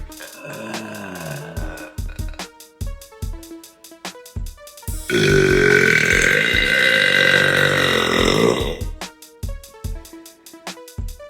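One long, loud, drawn-out burp lasting several seconds, between rhythmic music with a steady beat. A belch.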